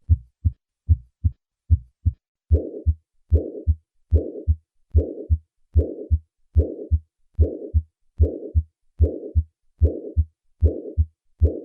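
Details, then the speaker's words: Acute mitral regurgitation: regular heart sounds about 74/min, then a loud systolic murmur fading toward the second heart sound. "This disease can result in rupture of a chordae tendineae with acute mitral regurgitation."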